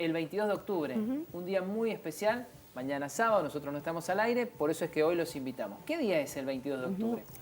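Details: Adult speaker; typical speech.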